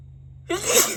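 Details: After a quiet pause and false starts, one sharp, forceful sneeze with a breathy tail.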